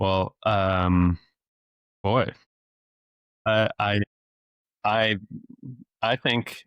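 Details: Stuttering since age eight in an adult male speech-language pathologist who deliberately lets it show; repetitions of sounds, words and phrases.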